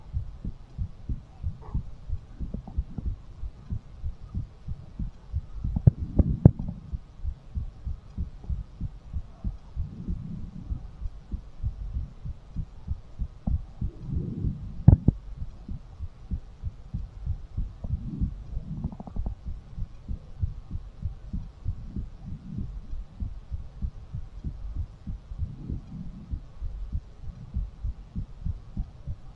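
Rapid, regular heartbeat thumps, well over 100 a minute, with soft breathing swells behind them.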